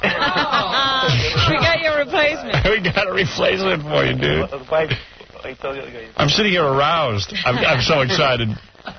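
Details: Adult male radio host; typical speech.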